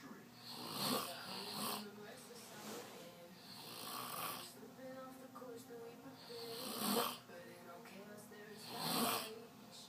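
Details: Snoring: repeated rasping breath noises about every two to three seconds over a steady background hum.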